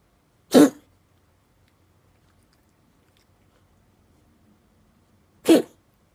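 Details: Two short, sharp single coughs about five seconds apart from a cat in a quiet room; owner describes a strange cough and suspects the cat is in pain.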